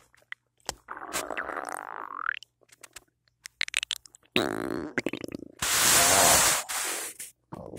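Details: Loud morning stomach noises after cereal with peanut butter and a cup of coffee; loud stomach rumbling. Borborygmi.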